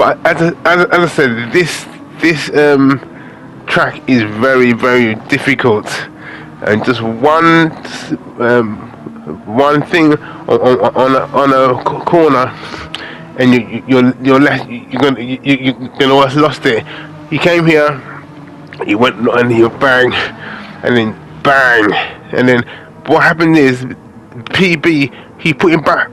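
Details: Adult man with aphasia following a major stroke in August 2013, doing spoken gaming commentary as speech practice; repetitions and fillers audible; aphasia.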